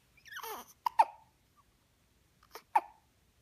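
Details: Short, sharp catches of breath in two sets, each a quick pair of abrupt clicks, after a brief vocal sound; hiccups.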